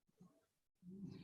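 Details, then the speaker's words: A sleeping 25-pound dog snoring unusually loudly: low, rumbling snore sounds, a loud one following a quieter breath. "first of all I've never heard my dog snore so loud before so I apologize for listeners if you can hear this 25 pound dog sounding like a hibernating hair he is passed out"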